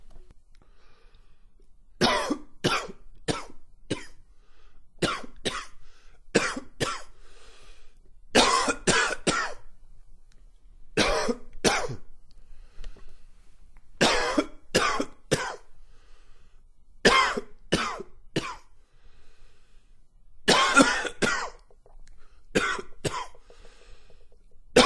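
Repeated harsh coughs in short clusters of two to four, about 25 in all: a smoker's morning cough.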